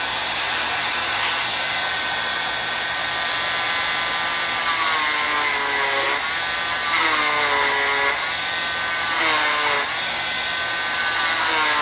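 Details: Oscillating cast saw cutting a molded fiberglass arm cast during removal, with the top part cut near the bend: steady high whine, pitch dipping and rising as the blade bites in; patient felt little; cast saw cutting fiberglass cast.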